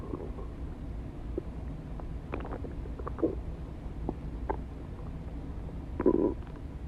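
Low gurgling and bubbling rumbles from the belly over a steady hum; normal stomach growling from gas and fluid moving through the gut.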